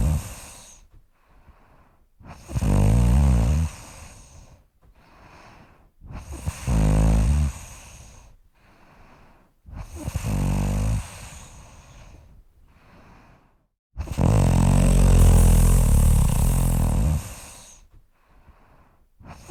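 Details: Heavy snoring in a sleeping person: loud, low rattling snores on each in-breath with quiet pauses between, about four snores in twenty seconds.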